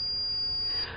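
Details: A steady high-pitched electronic beep under a second, then quiet room, recorded during a vital signs demonstration: an electronic thermometer signalling the reading is complete.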